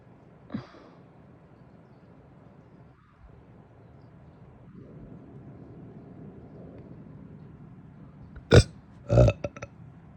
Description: Some big burps led to some big hiccups after breakfast today!